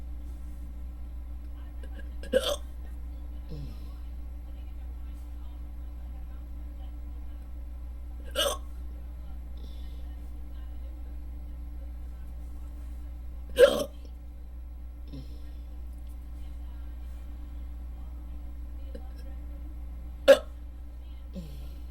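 Four sharp, abrupt hiccups at irregular intervals over about 20 seconds, with steady low background hum; typical hiccups.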